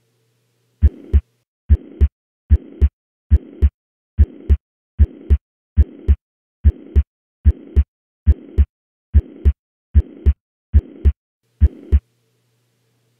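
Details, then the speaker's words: Mitral regurgitation heard at the right upper sternal border, away from the apex, where murmur and S1/S2 intensities change: regular heartbeat near 70/min with a continuous holosystolic murmur filling systole between first and second sounds. "I also think it's important to point out what this murmur sounds like Elsewhere on the chest wall for example here is this patient's heart as heard at the right upper sternal border"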